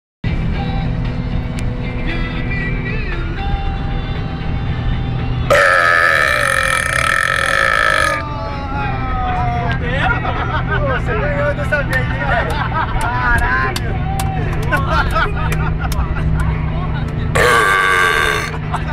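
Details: Deliberate burping: two long, loud belches, the first lasting about three seconds, over music and traffic noise.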